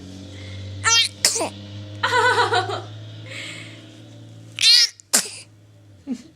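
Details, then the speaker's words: Baby sneezing: several small, high-pitched sneezes from a baby, with soft vocal sounds between them over a steady room hum. "We got video of baby sneezes."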